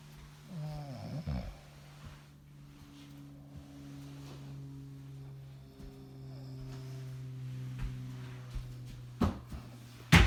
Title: Me snore.......